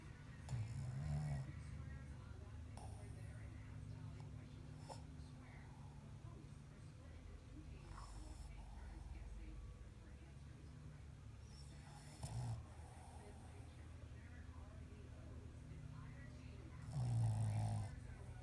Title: Shitzu snoring